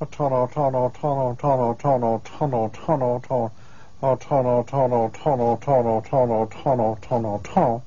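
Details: Male patient with Broca's aphasia repeatedly producing the syllable 'tun' with varied intonation in conversation: Broca's aphasia with verbal stereotypy.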